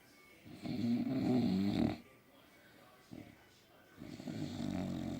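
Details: Sleeping flat-faced dogs snoring: low, throaty rumbling snores on breaths with short gaps; ordinary snoring.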